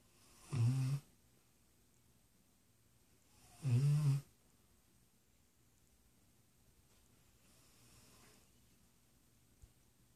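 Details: Two short, deep snores a few seconds apart, then quiet breathing; a sleeping dog snoring.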